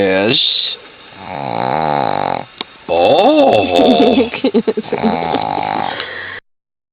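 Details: Sleeping female Shih Tzu snoring: loud buzzing snorts on the in-breath with sniffs and fluttering, under a person's talk and laughter.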